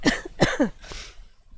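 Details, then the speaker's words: Adult streamer, sick for several days, coughs; throat still sore and voice shot, so barely talking: a cough from illness. "I just won't be able to talk as much because as you can hear my throat is still uh a little shot"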